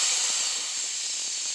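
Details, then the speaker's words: High-speed dental handpiece with water spray opening lingual access with a surgical-length burr into an isolated tooth for a root canal demo, steady high-pitched hiss. "so we're going to start off with our high speed to gain our access into the tooth so I'll need my hpe okay so we're going to gain access into the tooth with a surgical length first"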